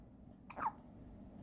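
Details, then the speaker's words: Single short, abrupt hiccup from a newborn in a quiet room; the hiccups stopped after a sneeze. "딸꾹질 멈췄네. 재채기하고 딸꾹질 멈췄네."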